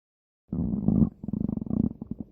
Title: Stomach Growling